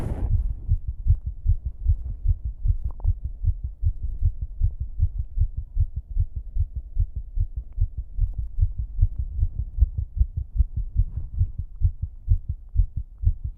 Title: Struggling Female Exercise Heartbeat (w/heavy breathing + 1k special!)